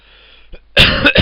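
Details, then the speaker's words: Single loud, harsh cough from an adult with hay fever, close to the microphone after a brief quiet moment. "So, at first, excuse me for coughing into the microphone."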